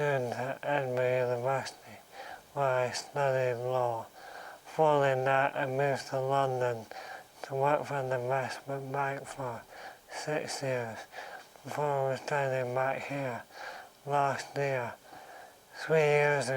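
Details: Adult man in the early stages of motor neurone disease, natural voice recording; dysarthria in motor neurone disease.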